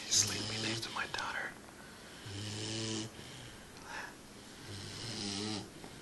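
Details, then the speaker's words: Sleeping puppy snoring: three rhythmic breaths, each a low buzzing rattle with a hissy exhale, about every 2.5 seconds, with faint room hiss between. "That's my dog, Kato, snoring."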